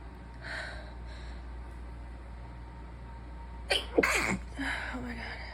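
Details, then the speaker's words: Seated adult deliberately stifling sneezes hands-free without pinching the nose: soft breaths build to two or three muffled, held-back sneezes over room hum; stifled sneezing while sick. "foreign thank you starfish definitely makes me sneeze more I guess it makes sense but these are hands-free I'm not going to pinch them off I don't think"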